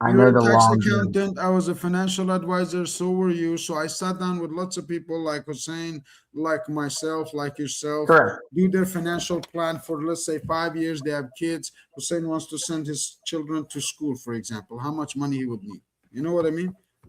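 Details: Adult male speaker; Ordinary speech.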